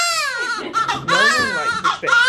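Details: Strong, high-pitched crying in repeated bursts with brief breaths, from a newborn girl born at 37 weeks during her first bath, vernix still in skin creases; vigorous, normal newborn cry.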